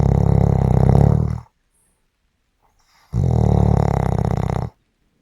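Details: Two loud, low, rattling rumbles, each about a second and a half long, separated by quiet pauses; snoring.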